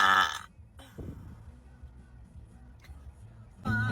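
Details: Young woman doing a deliberate pre-gym burp challenge at the gym on leg day: a low, rumbling voiced belch rising out of quiet between bursts of background music.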